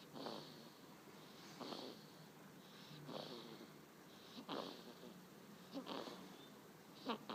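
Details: Savannah, aged 1 month 16 days, snoring while taking a nap.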